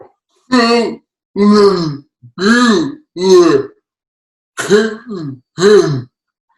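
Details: Adult man with cerebral palsy, communicates with his eyes, speech hard for others to understand; severe dysarthria in cerebral palsy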